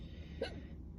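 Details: A single sharp, brief hiccup from an adult passenger in the back of a vehicle, over steady low vehicle rumble.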